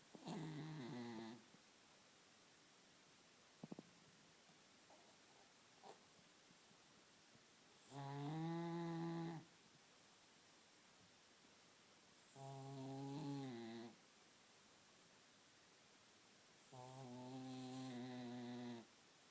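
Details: Cat snoring in sleep, described as the loudest cat snore ever: soft, buzzy snores about every 4.5 seconds, roughly 13 a minute, with quiet between; snoring.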